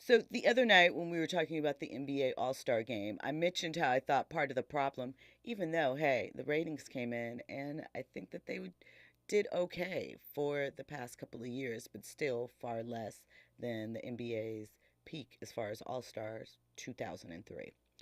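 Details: Adult radio host speaking; Normal speech.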